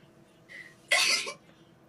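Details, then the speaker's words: Person who says they are sick right now announces an imminent sneeze: a brief in-breath, then one sharp, hissing burst of air in a quiet room; a single sneeze. "wait excuse me wait I'm going to sneeze"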